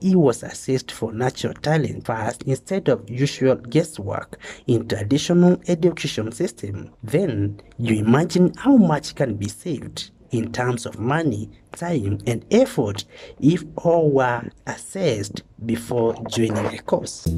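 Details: Adult man speaking; normal adult speech.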